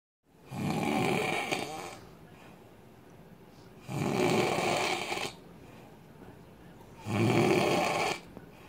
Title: MY SEXY MAN SNORING LOUD AS HELL